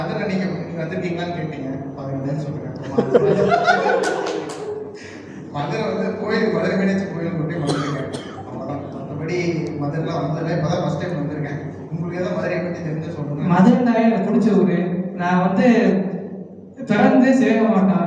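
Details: Tamil-speaking man at a stammering workshop in Madurai in April 2025, speaking during a stage-fear practice exercise. Stuttering.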